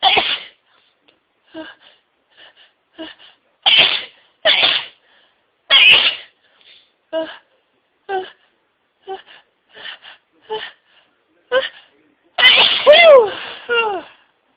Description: This is what happens when I induce with White Pepper - intense sneezing fit